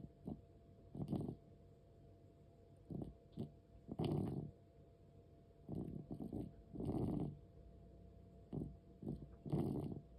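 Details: 13-year-4-month-old cat with asthma: noisy, rasping breaths at about 20 per minute with irregular spacing and labored breathing. It also occurs during sleep, and the sound sometimes stops.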